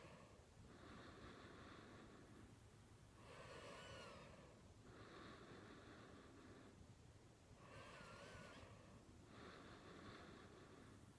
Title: Snoring 2